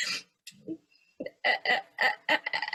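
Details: Stuttering blocks in a female adult who stammers, unable to get her name out, recorded on her first day of a stuttering course, before the programme.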